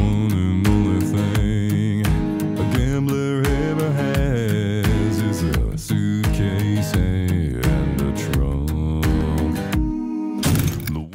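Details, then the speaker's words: Reference music as heard with normal hearing: a full, clear, robust guitar-backed song with sung voice, played before a simulation of cookie-bite hearing loss for comparison. "Seriously though, what is profound hearing loss? Well here's an example of what you would hear if you have normal hearing."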